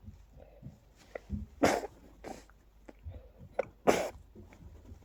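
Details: Sneezing attack from pollen after stifling, with watering eyes and increasingly stuffy nose: two sharp sneezes with faint snorting breaths between, in a quiet room.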